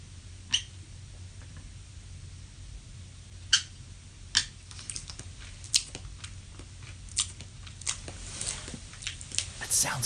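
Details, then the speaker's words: Own sleep recording, about one minute, of sleep bruxism: sharp clicks, gnashing, clunking and gritty grinding of teeth over low room hum; a bed cracking noise is also heard. "doesn't that sound absolutely insane like you're hearing like gnashing of teeth like clunking and you're hearing this this grinding"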